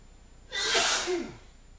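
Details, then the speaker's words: A single sharp, explosive sneeze with a quick inhaled gasp before it, deliberately acted by an adult male with an itchy, irritated nose. "I'm going to sneeze. I told you I was going to sneeze. I've got a really itchy nose. As you can see, it's making me sneeze a lot."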